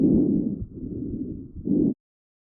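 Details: Lung auscultation recorded with a StethoMe electronic stethoscope: soft, low rustling airflow through the chest, louder on breathing in. Normal vesicular breath sounds.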